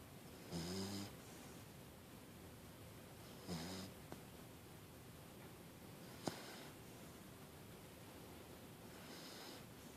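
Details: Snoring during sleep: soft, low vibrating snores every few seconds in a quiet room.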